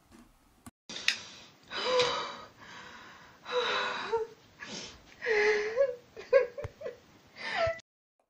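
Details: Female patient in severe bronchospasm, possibly allergy-mediated or anaphylactic: rapid, labored breaths with musical expiratory wheeze, air trapping and breath stacking from airway collapse on exhalation.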